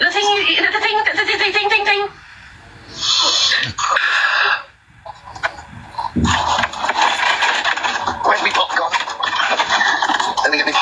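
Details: Adult male with a genuine stammer that is intermittent and worse under stress; he confirms a stutter in this moment was real, not faked; stuttering.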